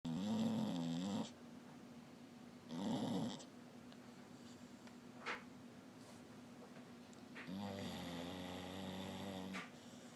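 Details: Dog snoring: loud, rough snores with a whistling, nasal edge in three long bouts, separated by quiet breathing pauses; typical dog snoring.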